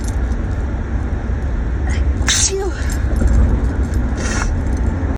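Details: Single sneeze while driving home from a trip, partly masked by loud steady car engine and road noise.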